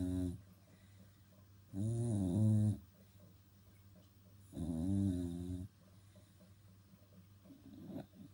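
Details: Dog snoring while asleep: slow, deep, buzzing snores about every three seconds, roughly 20 breaths a minute.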